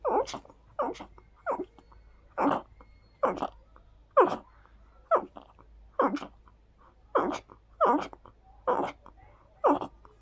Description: Oh God, this perfume makes my nose go wild... I sprayed it on my hands and kept them cupped around my nose while sneezing into them.